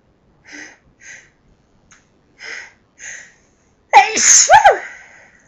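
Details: Forceful sneeze, louder than normal, that felt incredible: a few quick, soft sharp breaths build up, then one loud, explosive sneeze with a trailing voiced exhale, part of a long run of sneezes.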